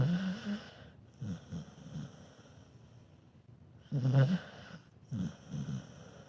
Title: Dog snores not too bad. Dog snoring when sleeping